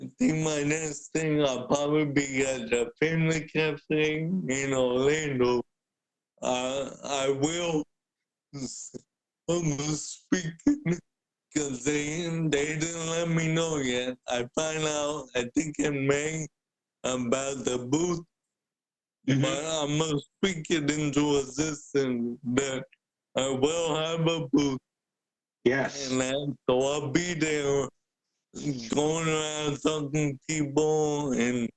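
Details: Adult man with cerebral palsy present since birth, a wheelchair user who describes himself as higher functioning with mainly physical limitations; speaking is noted as hard for him. Dysarthria (cerebral palsy).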